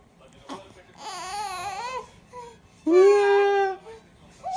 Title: She wants somebody to hold her after tummy time